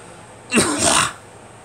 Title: Me coughing